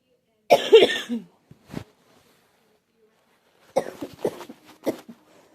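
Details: Girl who thinks she is getting a cold, with a scratchy, sore throat: two clusters of short, voiced coughs separated by a pause. Cough with a possible common cold.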